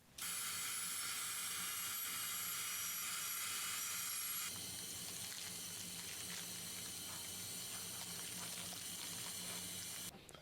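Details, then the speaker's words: Dental drill creating a purchase point in the sclerotic, necrotic canal of a snapped-off left central incisor root before easy-extract drills and immediate implant; high-pitched steady whining hiss, pitch changing midway. "Otherwise, you might get offline with the canal. You're going to put the easy extract drills in the canal."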